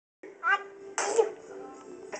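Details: A deliberately faked sneeze, performed as a trick: a short voiced build-up followed by a sharp, hissing burst, an imitation rather than a real sneeze.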